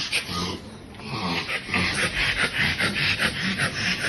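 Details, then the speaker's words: 9-year-old West Highland White Terrier with constant noisy panting and choking episodes, unresponsive to budesonide for suspected chronic bronchitis: fast stertorous panting with a low snoring rattle each breath, suggesting upper airway obstruction; laryngoscopy requested. "No sé si lo alcanzan a escuchar que es un jadeo como estertoroso. Parece casi un jadeo de book y se ve la lengüita bien rosada."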